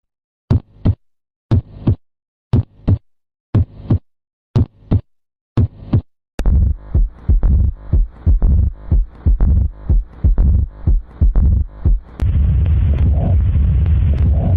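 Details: Paired lub-dub heart sounds at about 60 beats a minute, then faster, noisier beats fading into a steady rumble; heart sounds.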